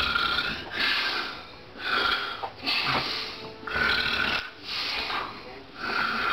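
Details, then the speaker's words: Adult man with severe sleep apnea, later congestive heart failure, recorded asleep before CPAP: loud, harsh, rattling snores repeat with each breath, roughly one every two seconds: snoring. "I'm Cody Myers, and this is my father snoring."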